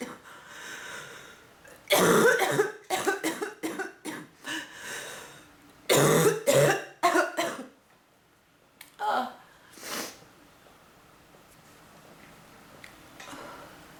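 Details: Coughing fits from bronchitis in an adult woman: two clusters of harsh, rapid coughs, roughly a dozen bursts in all, with quiet breathing between.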